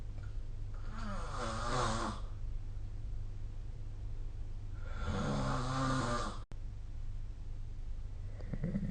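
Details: Snoring recorded with the SnoreLab app during sleep: two long, rattling snores with a quiet pause between them, over a steady low room hum.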